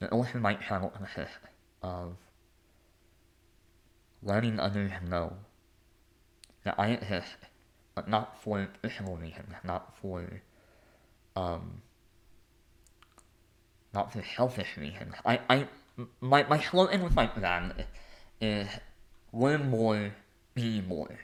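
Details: Adult male artist and conductor with a lifelong speech impediment; stuttering-like speech disfluency.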